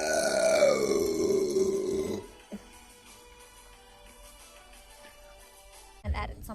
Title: New Burps #1